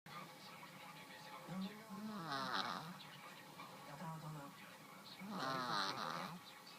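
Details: Sleeping cat snoring: slow, rhythmic snoring with a rough, fluttering sound on each breath, about 20 breaths a minute; harmless snoring.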